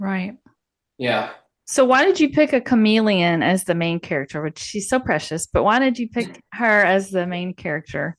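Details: Adult woman speaking; ordinary speech.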